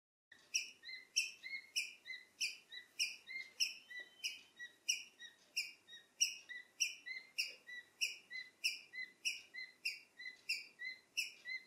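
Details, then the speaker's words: Wheezing and respiratory distress in a male pet cockatiel, sudden onset overnight, bird died the next morning: a steady run of high, squeaky chirps about 97 a minute, matching laboured breathing. "yesterday night my one of my two cockatiels started making this weird sound and he's been doing this sound for the entire night"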